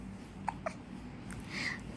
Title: Hiccups ATM